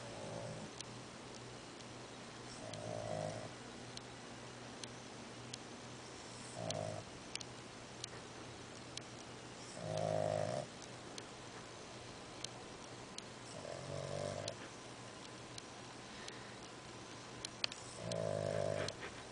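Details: Sleeping fat dog: regular snoring snorts, six in about 19 seconds, roughly one every three seconds, with soft clicks between in a quiet room; snoring.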